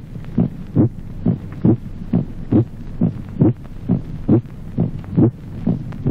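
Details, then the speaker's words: Musical, ringing aortic second heart sound in aortic aneurysm: regular heart sounds near 68 a minute with a loud, resonant second sound. "Resonancia del segundo ruido cardíaco. Timbre musical del segundo ruido aórtico en el aneurisma de la horta."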